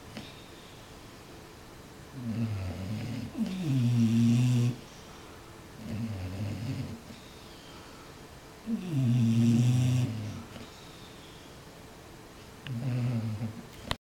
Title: Bulldogs snoring